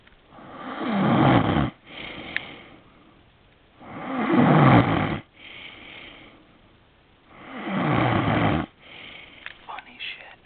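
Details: Loud, rough snoring on each in-breath, about 17 breaths a minute, with a softer snore on each out-breath, from a sleeping man described as a habitually loud snorer.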